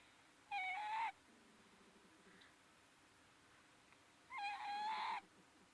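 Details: Sleeping cat snoring: two high whistling snores, each under a second, about four seconds apart, in a quiet room.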